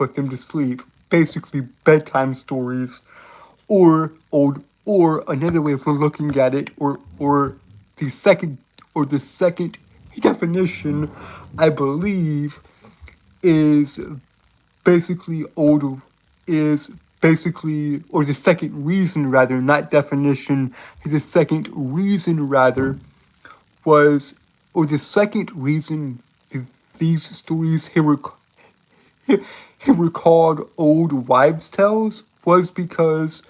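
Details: Adult male with a self-described severe speech impediment causing stuttering; this stretch has word and phrase repetitions. Finding: stuttering.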